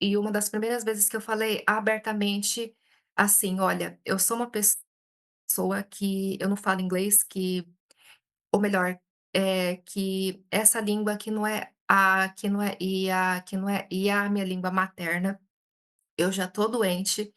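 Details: Adult Brazilian woman who stutters, speaking Portuguese and self-describing frequent speech blocks; hesitations and repetitions are heard; stuttering.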